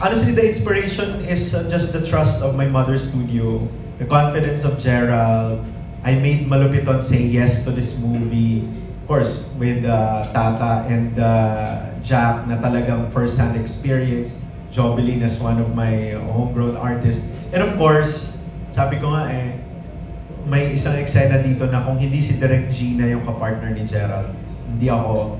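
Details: Adult male speaker; Normal speech.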